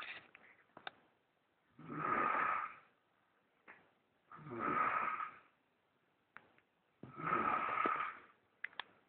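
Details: Adult woman snoring while asleep: loud, regular snores of about 23 per minute, each a rough rattling inhalation followed by quiet breathing.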